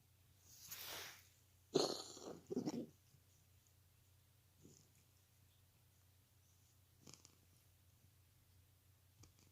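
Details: A cat gives a wheezy inhale followed by two or three harsh, raspy coughing bursts, then quiet: cat cough.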